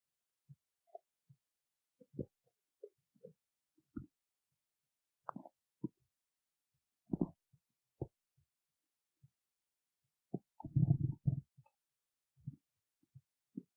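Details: Stomach growling: scattered low gurgles and brief rumbles with one longer, louder rumble; bowel sounds (borborygmi).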